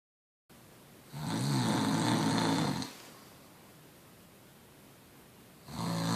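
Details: Sleeper compared with a bulldog, which turned out not to be the louder one: a loud, rumbling inhaled snore of nearly two seconds, a quiet pause, then the next; heavy snoring.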